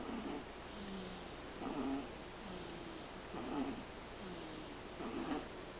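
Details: Five-week-old kitten sleeping: soft rhythmic snoring with a faint high whistle on each breath, about 35 breaths a minute.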